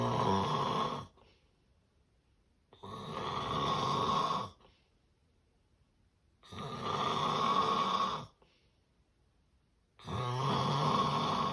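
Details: Severe sleep apnea snoring: loud rattling snores about 17 per minute, each roughly two seconds, separated by silent gaps of about two seconds, fitting obstructed-airway breathing.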